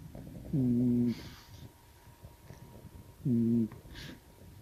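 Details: Snoring from a sleeping white cat: two short, buzzy, humming snores a few seconds apart against a quiet room.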